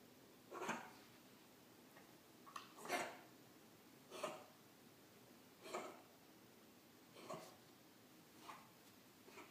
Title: Luna's kennel cough starts - March 2015